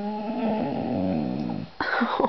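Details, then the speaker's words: Drawn-out, wavering high whines and whimpering from a dog crying in pain at home on the first day after her second surgery for a torn ACL (cruciate) ligament, now repaired in both back knees; whining in pain. "got the other ones she's not a happy camper she's still whining about it"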